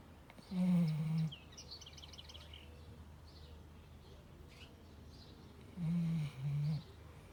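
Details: A sleeping dog snores during an afternoon nap.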